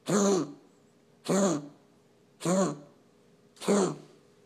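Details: Animal's coughing spell recorded for veterinarian review: four evenly spaced, voiced, honking coughs about a second apart.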